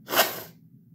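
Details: Man sneezing: a single sharp, breathy burst fading quickly over a faint low hum.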